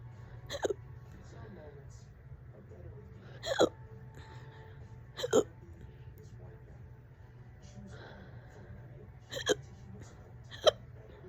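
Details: Five sharp, abrupt hiccups in about 11 seconds at irregular spacing over low background hum. The person has had the hiccups for about 30 minutes, on and off all day.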